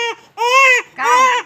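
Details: A young child crying: three drawn-out, high wailing cries, each falling off at the end.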